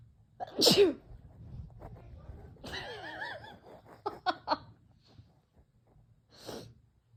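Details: A loud sneeze, a short voiced groan, quick sharp nasal bursts, then a softer sneeze, from a female with May allergies after weeding; repeated allergic sneezing.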